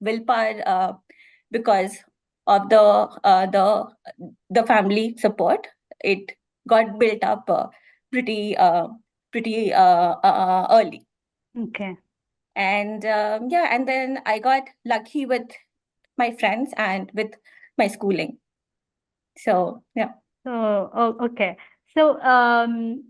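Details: Adult woman who stammers, speaking as a guest in a podcast interview series with women who stammer: stammering.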